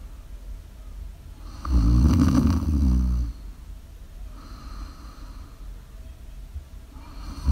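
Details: Person snoring during a live ASMR stream: one low, rattling snore on breathing in, then quieter breathing against steady room noise.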